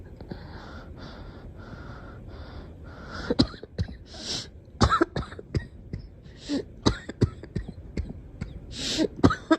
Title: Girl coughing 107